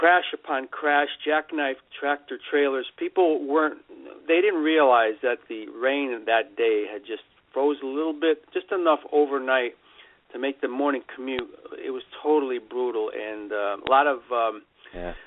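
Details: Adult male speaker, telephone or radio line; Normal speech.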